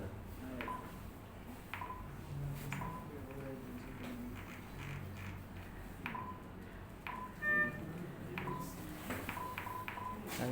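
Short electronic beeps and tones from a defibrillator during a demonstration, with faint room noise and talk in the background.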